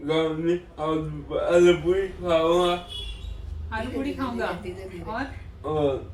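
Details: 25-year-old man with cerebral palsy since birth after being premature and not crying at birth; brain nerve damage initially left him unable to speak or walk; reciting a poem: dysarthria in cerebral palsy.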